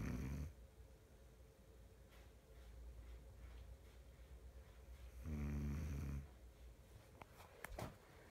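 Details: Two low, rumbling snores about five seconds apart, with quiet breathing between in a quiet room; snoring.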